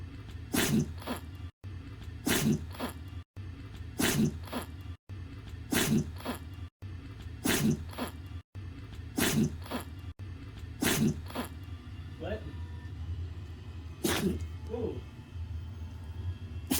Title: When your puppy sneeze and make a funny face #short